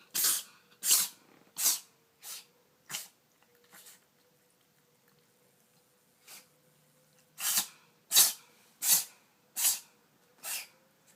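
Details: A cat sneezes repeatedly for over a minute, in two bouts of sharp, hissing sneezes, about eleven in all, in a quiet room.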